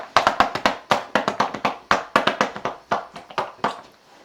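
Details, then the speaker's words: Two-handed chest percussion on a toddler boy with cystic fibrosis, done by his parent to loosen thick mucus: rapid hollow clapping, about four claps a second, with the hands alternating. "okay instead of doing a constant drum I actually root alternate the beat so that my arms don't get as"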